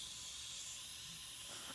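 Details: Tracheostomy suctioning: a steady high airy hiss of suction through the catheter on a final pass to clear chest rattles, ending with a brief sharper burst.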